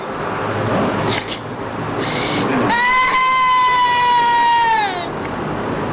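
High, thin, cat-like cry with strained breathy edges, typical of a child with a laryngeal web.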